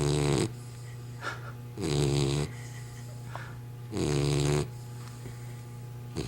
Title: dozer snoring